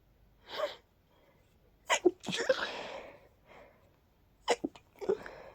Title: Desperate Pollen induced sneezes 🤧